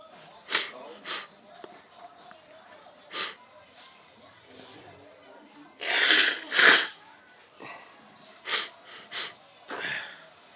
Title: Living Room Sneeze Part 3